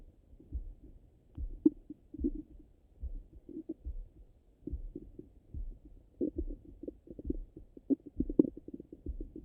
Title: Stomach Rumble after Breakfast 🥖🫧🩺